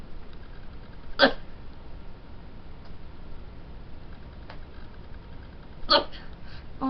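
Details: Two sharp, abrupt hiccups about five seconds apart over steady background noise; the person says they rarely get hiccups.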